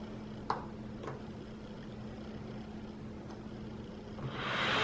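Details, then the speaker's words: A DreamStation Auto CPAP (DSX500H11) with a nasal pillow cushion mask, used by a sleep apnea patient three days after nasal blockage surgery, gives steady rushing air over a low motor hum, the airflow swelling louder near the end. "I haven't used it since the surgery that's already been three days but here's the difference with the air"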